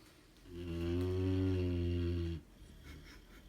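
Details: Pet dog snoring in his sleep: one long, deep, droning breath of about two seconds with a steady low buzz, a single loud snore.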